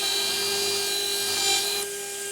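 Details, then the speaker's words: Dental implant drill, 1.6 mm, preparing osteotomy in a model lower jaw (anterior mandible) for four narrow-diameter SATURNO overdenture implants; steady high-pitched whine with grinding edge as it cuts. "Next step is I take my 1.6 mm drill."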